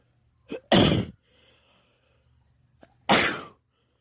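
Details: Sneezing fit at a house with two cats, after feeling a sneeze coming for a while: two forceful sneezes, each preceded by a short indrawn breath; repeated sneezing.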